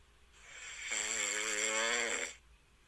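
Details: Single drawn-out, buzzing, tonal breath rising and fading over about two seconds from a sleeping cat; snoring.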